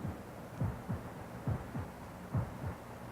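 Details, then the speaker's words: Cow's heartbeat through stethoscope, healthy-appearing cow in good flesh: soft, regular lub-dub at about 69 beats a minute with steady low hum; rate said to range 60–80 per minute, like a person; normal heart sounds. "just like a person that's right but is it the same rate as the heart rate ranges between 60 and 80 beats per minute"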